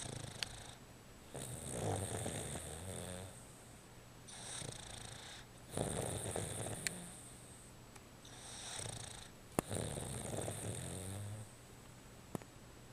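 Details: Tux snoozing, snoring more quietly than usual and puffing out like a pufferfish: soft, rhythmic snoring over several breath cycles, with snorts on each inhalation and occasional clicks over quiet room noise.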